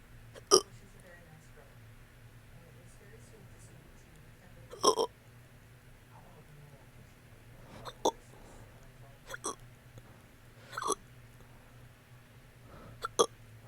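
About seven sharp, abrupt hiccups at irregular intervals over roughly fourteen seconds, against quiet room hum.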